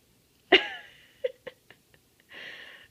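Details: Papillon mix dog that often sneezes: one sharp sneeze, then a few soft snorts and a brief spoken blessing; owner jokingly asks if he has allergies.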